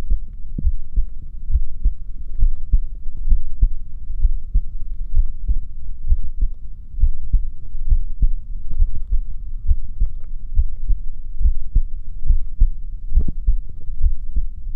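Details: Recording of the person's own heartbeat: steady low thumping at about 67 beats a minute under a low hum; a normal heartbeat.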